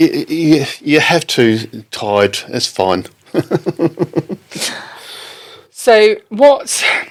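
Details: Adult man left with aphasia after a stroke in October 2019, recounting an experience with halting, non-fluent speech: non-fluent aphasia.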